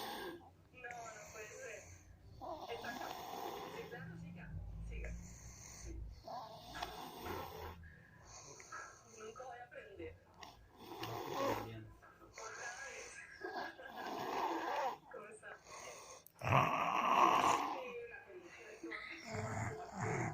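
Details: Snoring "with style": repeated rough, rattling breathing noises with snorts at irregular intervals, growing louder toward the end.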